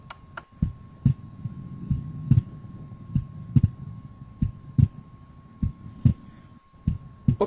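Simulated slow, regular heart sounds, about 50 a minute, with the second sound splitting on inspiration: normal physiological splitting of S2.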